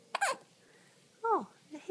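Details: The baby's hiccups: one abrupt, jerky infant hiccup followed by a soft coo.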